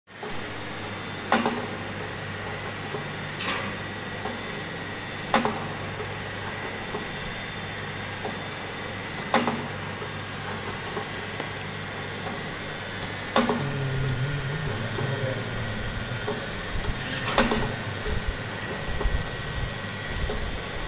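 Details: Working demo of a ventilator machine: steady hum with sharp valve clicks about 15 times a minute as it cycles breaths.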